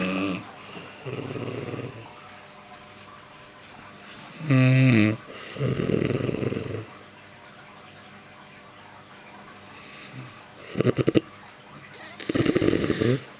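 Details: Mother-in-law snoring "like a motorbike": loud, rough rattling snores recurring with each breath in, some with a fluttering vibration; heavy snoring.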